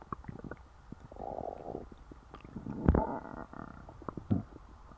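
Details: Low gurgling and rumbling bursts from a stuffed, full stomach after a large meal: ordinary stomach growling (borborygmi).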